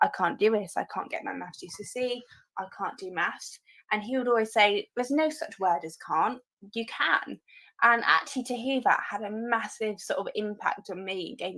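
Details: Adult woman speaking; Normal speech.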